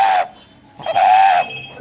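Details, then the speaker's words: A child with inspiratory stridor, with harsh, high-pitched crowing on breaths in from upper airway narrowing; obstruction in the pharynx or just above the glottis gives inspiratory stridor. "Okay, so this is something called as a stridor, and this child had an inspiratory stridor. So if your obstruction is in the pharynx or just above the glottis, you will get an inspiratory stridor."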